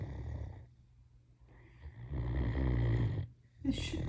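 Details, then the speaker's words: Deep, rumbling snoring with low rattling breaths and quiet pauses from a sleeping female Great Dane, caught snoring for the first time. "We've got snoring going on."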